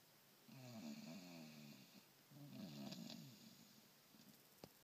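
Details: Tired sleeping dog snoring, with two rattling, vibrating breaths drawn in during sleep in a quiet room, described as snoring like an old man.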